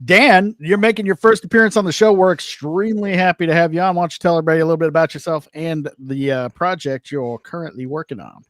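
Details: Adult male speaker; normal voice.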